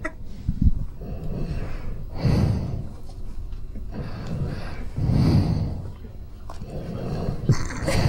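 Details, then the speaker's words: Man who had been very drunk and lay down on a mat on the floor, snoring during sleep: deep, rough snorting breaths repeating about every three seconds, roughly 20 a minute, over faint room noise. "he's out he snores already let me hear the story give him about a minute just listen"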